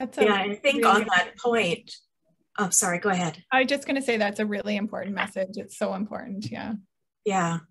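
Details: Adult women in conversation; normal speech.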